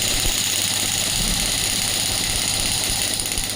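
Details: Biotronix pneumatic radial shockwave therapy device (shockwave plus ultrasound combination) firing during a demonstration treatment with shot counter running; rapid, rough mechanical rattling with a hissing, buzzy edge.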